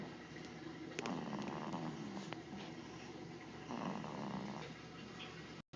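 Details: Light snoring: two soft, fluttering snores over steady room hiss.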